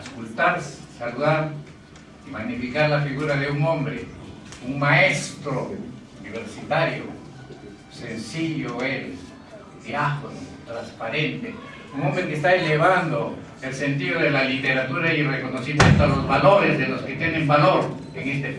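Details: Adult man speaking Spanish; Normal speech.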